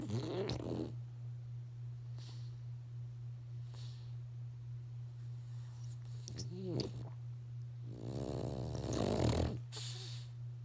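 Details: French Bulldog snoring before being woken: snorting, rattling breaths over a steady low hum, typical noisy snoring of a flat-faced breed.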